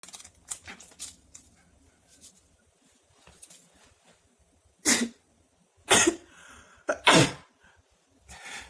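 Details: Three loud, explosive sneezes in quick succession from an adult, a short sneezing fit.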